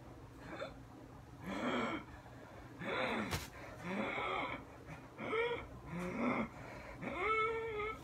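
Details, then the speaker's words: Simulated asthma attack breathing acted by a man with asthma who has never had an attack; rapid, strained, voiced gasps with whistly, wheeze-like tones. "i'm just doing this just to test how real i can make it look if i were to have an asthma attack i wouldn't know what it actually would look like so i have nothing to base it off of so here we go"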